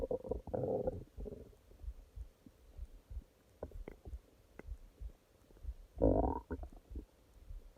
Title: Урчание живота ночью (часть 2) stomach growling